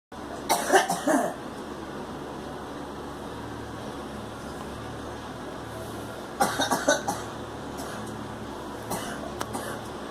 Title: Girl coughing